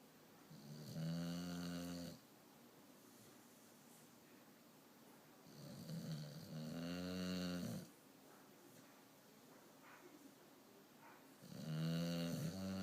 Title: Ruby snoring